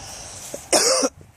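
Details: A single short, harsh cough from an adult woman outdoors in a garden, with faint outdoor background noise.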